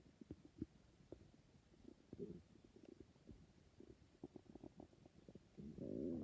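Irregular low gurgles, clicks and a longer rumbling growl from an adult's stomach.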